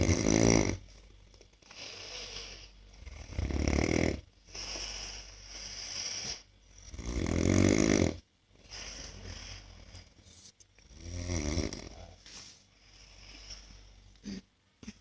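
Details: Snorer recorded asleep while testing anti-snoring devices, reportedly with no change in the result: loud, rough snores on the in-breath, about four or five in fifteen seconds, with quieter breathing between them; snoring persists.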